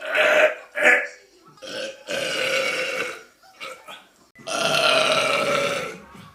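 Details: A run of loud, long, voiced burps in quick succession, the last stretched over more than a second; burping recorded on a phone.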